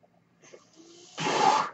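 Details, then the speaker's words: Podcaster's own mechanical ventilator heard during speech: faint click and low hum, then a loud rushing hiss of delivered air. "Hello, everyone. My name is. That noise you're hearing is my ventilator."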